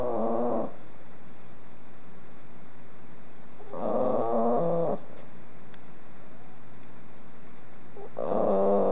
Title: snoring missy